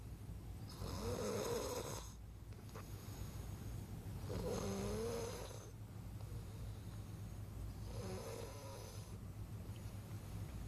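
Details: Night-time snoring recording: three long, rattling snores about every 3.5 seconds, roughly 17 a minute, over a steady low room hum; ordinary snoring.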